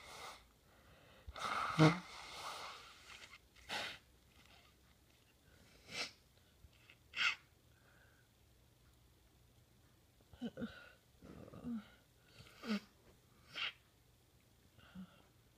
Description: I don't always honk, but when I do, it's because I'm fed up with congestion!